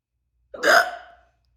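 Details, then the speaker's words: A single sharp, voiced hiccup, a sudden gulping catch of breath fading quickly, in an adult during a hiccup spell triggered by trying to force a burp after two or three drinks. "I think it was just me trying to force out a burp and it just triggered those hiccups that we love so much"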